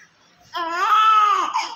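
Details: A single loud, clear, sustained newborn cry, fussy and irritable, during a feeding attempt; baby born not breathing, given CPR, now recovering with an IV cannula in the hand, respiratory distress syndrome, alert but sucking poorly.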